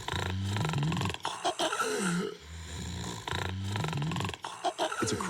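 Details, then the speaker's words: Loud, rough snores with snorting and gasping sounds between them, used in an advertisement to portray moderate to severe obstructive sleep apnea in adults with obesity. "This is the soundtrack of the millions undiagnosed with moderate to severe obstructive sleep apnea or OSA in adults with obesity."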